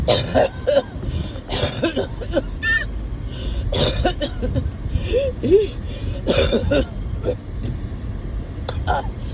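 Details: Repeated coughing from an adult who is chronically breathless, winded walking even to the car and mostly lying down. About four separate cough bursts with throat clearing and vocal sounds between them, over a low engine rumble; the person couldn't make it to the store.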